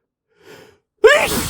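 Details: Adult man trying to talk and hold back huge sneezes; a quiet indrawn breath then one sudden, loud voiced sneeze.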